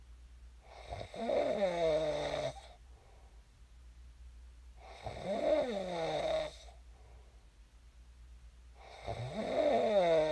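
Loud, rattling snores on each breath in, about 14 a minute, with quiet pauses between them.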